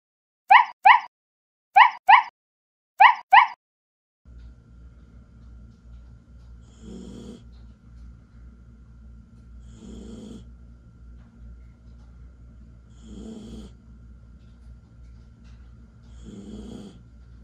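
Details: Soft, regular snores, about 20 a minute, from a sleeping 11-week-old Samoyed puppy, after a few short sharp sounds at the start; puppy snoring.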